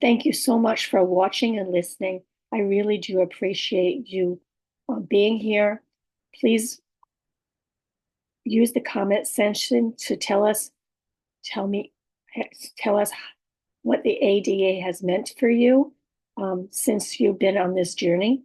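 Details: Adult woman with aphasia, apraxia of speech and dysarthria, communication challenges for the last six years, speech sometimes hard to understand; aphasia with apraxia of speech and dysarthria.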